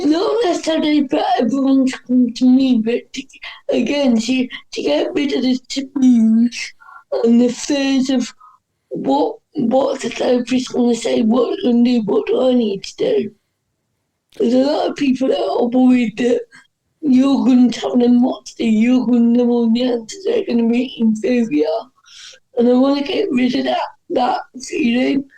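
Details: Dysarthria in an adult woman with cerebral palsy, which is stated to affect her speech.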